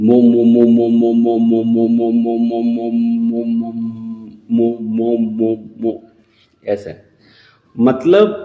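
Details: Speech therapist imitating a severe stammerer trying to say a name, the first syllable repeated many times until breath runs out without the word coming; stuttering (syllable repetition), acted.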